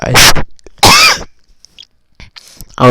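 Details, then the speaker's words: Person who choked while drinking water gives two loud, harsh coughing bursts with a strained catch of breath, then quiet; coughing after choking. "drinking my water and I choked on it"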